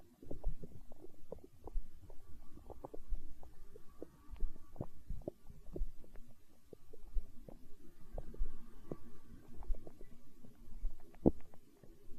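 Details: Hunger stomach growl recorded for ASMR: irregular low rumbling gurgles with bursts of popping, steady throughout; normal borborygmi.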